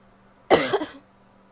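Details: A female gives a single abrupt, harsh, barky cough burst of about half a second in a quiet room, among coughs some wet, most barky; finding: barky cough.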